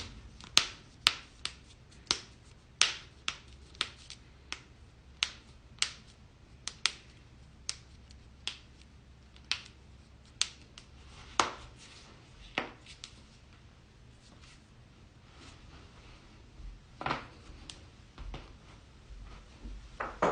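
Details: Joint cracking compilation: a quick series of sharp, dry pops and clicks as joints are moved; cavitation.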